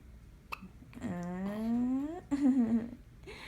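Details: Baby girl's first hiccup: a sharp click-like catch, then a drawn-out infant vocal sound and a brief second cry.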